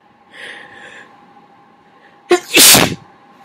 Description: A natural sneeze, a lost sneeze, then some induced sneezes. This was my first time inducing, so some of them are huge!